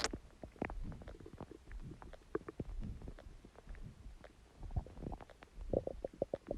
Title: Stomach Growling Sound | My Stomach Makes Noises